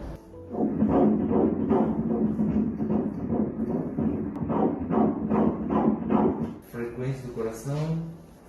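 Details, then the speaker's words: At a 13-week pregnancy ultrasound, the fetal heart Doppler gives rapid, regular whooshing pulses at 149 beats a minute, a normal rate, with crown-rump length 8.4 cm. "149 ਬੀਟਸ ਪ੍ਰਤੀ ਮਿੰਟ"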